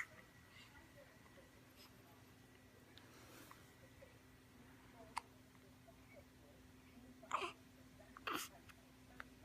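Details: Baby girl with hiccups, which happen almost every time she eats: soft, brief hiccup sounds with abrupt catches in the breath about a second apart, against quiet room hum.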